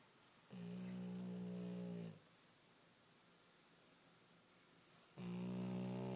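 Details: Sleeping pug snoring very loudly: two long, low droning snores, each over a second, separated by a quiet pause; snoring.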